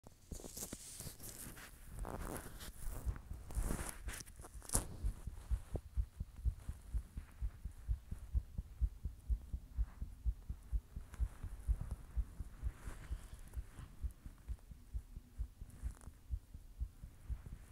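Steady low thumps at roughly 125 a minute with some handling noise early on; a fast but regular heartbeat.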